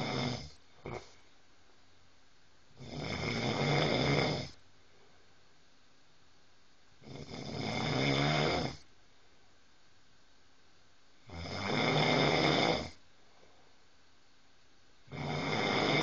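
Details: Man snoring loudly, said to sound like a bear: loud rough snores on each breath, about 15 breaths a minute, with quiet pauses between.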